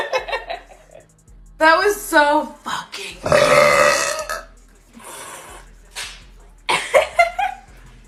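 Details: Woman burping: several loud, drawn-out belches with brief talk between them and faint music in the background.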